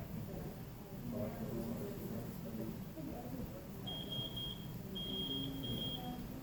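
A steady, high-pitched electronic tone sounds in repeated bursts over background room noise and muffled voices; a ventilator alarm going off during setup.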